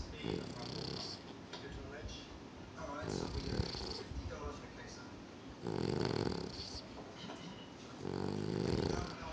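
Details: Sleeping Bichon dog snoring: rough, rattling snores in a few long bursts over a quiet room background.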